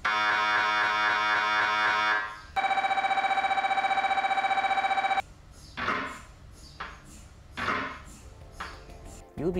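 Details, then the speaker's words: Demonstration of MRI machine sounds at a children's hospital: loud repeated electronic buzzing and rapid knocking in shifting patterns; normal MRI scanner noise. "No metal is allowed in the room, so after you change into a gown, the technologist taking your pictures will use a special wand to make sure you don't have any metal on you. MRI machines make many noises. They can sound like this."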